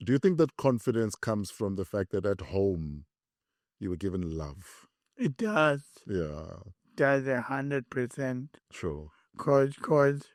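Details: Two adult male speakers in conversation; ordinary conversational speech.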